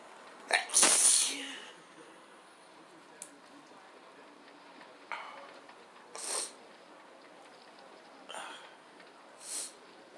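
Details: Person's first sneezing fit in a long while, letting the sneezes come: one loud explosive sneeze followed by several softer sneezes or breathy bursts in a quiet room.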